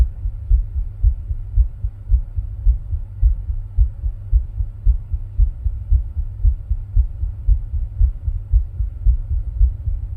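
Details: Own heart sounds recorded with ECG while rebreathing into a plastic bag: steady, deep, regular heartbeat at roughly 110 beats a minute over a low rumbling background.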